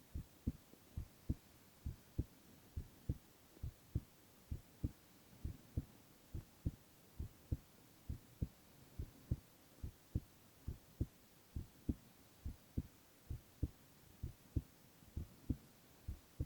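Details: Silent ASMR recording of a male's continuous heart sounds: regular paired heart sounds at about 67 beats a minute with faint background hiss; normal heartbeat.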